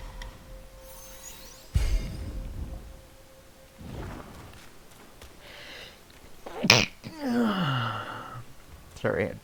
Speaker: sneeze I know that sounded weird but it was a sneeze I don't like that